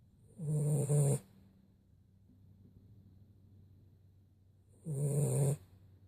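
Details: Snoring in a sleeping cat: two loud, buzzing, low vibrating snores about 4.5 seconds apart, with quiet room hum between them.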